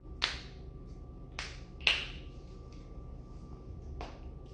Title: cracking knuckles #shorts